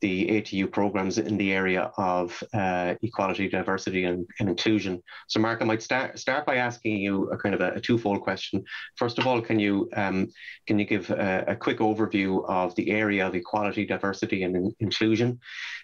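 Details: Adult male speaker; Normal conversational speech.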